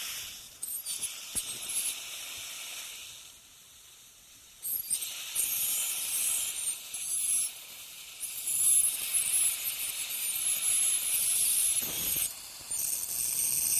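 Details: Ultrasonic piezoelectric bone saw cutting crestal osteotomies with light sweeping strokes during dental sinus surgery, near the canine root: high, hissing whine starting and stopping in bursts.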